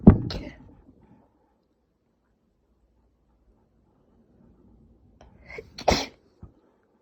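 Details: Two sharp, explosive sneezes several seconds apart, the second preceded by a brief inhaled lead-in, in a quiet room; sneezing.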